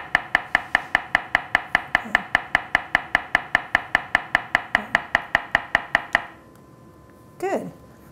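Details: Acoustic pharyngometer in adult male screened for possible sleep apnea/airway collapsibility, nose pinched, taking deep breath then slowly exhaling fully: steady sharp clicking pulses about 150 a minute, then stopping.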